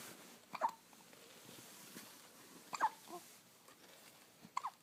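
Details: Baby's first hiccups: a few short, abrupt hiccup sounds over soft room noise, one of them loud.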